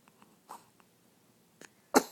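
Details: Two-week-old infant, recorded on an iPhone, yawning and then sneezing: soft faint sounds followed by one abrupt, forceful burst of air.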